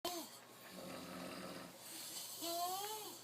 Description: Couple of buddy's passed out on the couches at the house. Couldn't pass up recording it either.